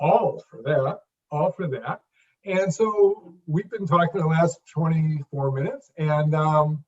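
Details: Stuttering (stammering) in an adult who has stammered since childhood, with audible word repetitions in conversational speech.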